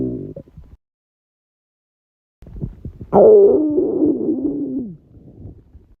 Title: stomach growls